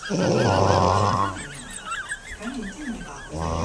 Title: Is it wrong to snore like this? Funny videos in rural areas #6